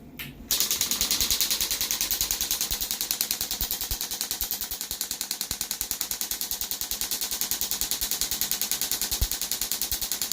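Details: Second EPAT shockwave session for thickened Achilles tendon, treating above the insertion into bone, starting at 10 Hz and 2 bars for about 500 pulses: rapid regular sharp clicking pulses, about 200 per minute.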